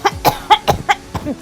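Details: A quick run of about six short, voiced coughs from an adult, acted for a comedy scene in a cough syrup advertisement; a plain cough.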